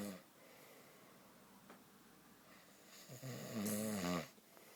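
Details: Someone fast asleep and snoring heavily: a single loud, rattling snore on an in-breath after quiet breathing.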